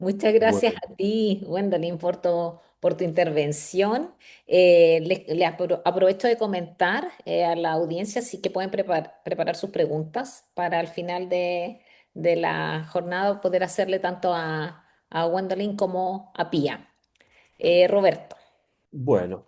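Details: Adult woman speaking Spanish; Normal voice.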